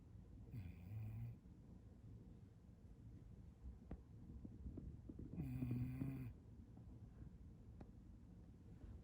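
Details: Sleeping bulldog, tongue out at naptime: two loud, low rattling snores with snorting breaths between; snoring.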